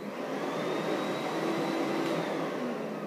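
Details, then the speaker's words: Continuous vacuum-cleaner-like whooshing roar with faint rising whine: suction attached to the speculum removing cautery smoke during a LEEP (loop electrical excision) cone biopsy of the cervix for cervical dysplasia. "the speculums we use for leap uh connect up to a suction device um and that helps um suck um some smoke out because we are going to be using something called Coty there'll be a lot of noise during the leap"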